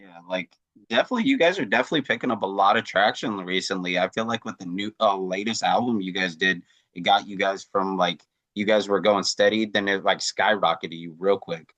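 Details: Adult male speaker; Normal voice.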